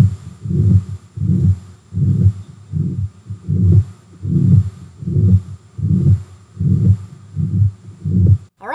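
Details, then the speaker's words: Heart murmur from turbulent blood flow: regular heartbeat near 78 a minute, each beat blurred by a low whooshing sound. "what it means is that somewhere in the heart there is turbulent blood flow that's producing an audible noise a whooshing noise in adults most likely it's regurgitation or stenosis that has allowed this whoosh this turbulent blood flow that we can hear"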